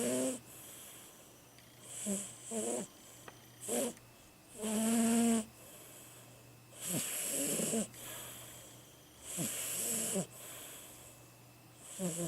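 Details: 17-year-old Siamese cat asleep: repeated rough, whistly breaths with squeaky tones, about 24 a minute, somewhat irregular; cat snoring.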